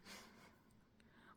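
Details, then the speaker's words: Sleeping dog lying by the owner's feet, snoring like an old man: a single brief, rough snorting breath in a small, still room; snoring. "Наши собаки храпят как дедушки старые Так что под это урчание храп мы с вами продолжим рассказы"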